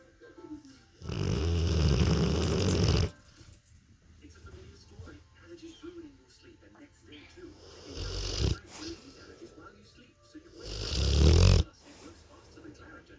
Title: My rotty having a nap,with a little bit of a snore.